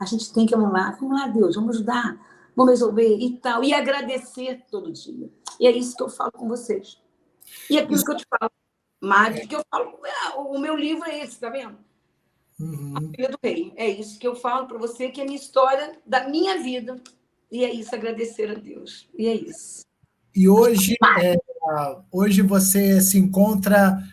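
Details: Adult woman with aphasia as a sequela of a stroke suffered 12 years earlier; post-stroke aphasia.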